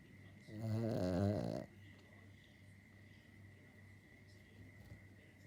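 A single loud, rattling snore lasting about a second from a sleeping dog, then quiet breathing with faint room hum.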